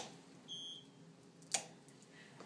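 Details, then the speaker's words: Dental X-ray unit exposure for a mandibular premolar periapical radiograph with XCP and phosphor plate on a DXTTR mannequin: brief high electronic beep then a click. "step outside the x-ray room while watching your patient through the glass press down on the exposure switch until the beeping sound stops"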